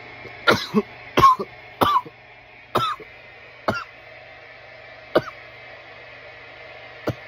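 A run of about seven sharp, hacking coughs at uneven spacing, fading toward the end, over a steady room hum: irritant cough after smoking.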